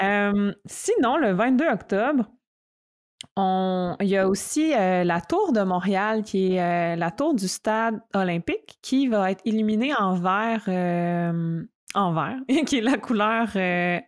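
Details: Stuttering in an adult woman who stutters and is a master's candidate in speech-language pathology, speaking in French.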